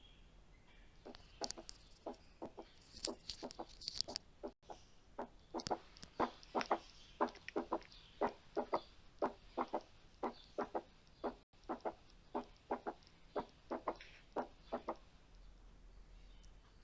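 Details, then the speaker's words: Third heart sound (S3) heard at the apex with the stethoscope bell: S1 and S2 followed by an extra soft, dull, low-pitched sound just after S2. "فهسمع ساوند بعد الاس 2 ساوند كمان. تمام، مركزين في النقطه دي. هسمع ساوند كمان بعد الاس 2."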